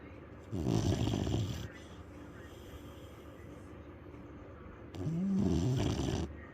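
Two loud, rough, rattling snores a few seconds apart, with quiet breathing between them: snoring in a sleeping dog.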